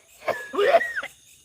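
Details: Single harsh cough with strained, gagging, retching quality during a ghost-hunting livestream; the host reportedly coughed.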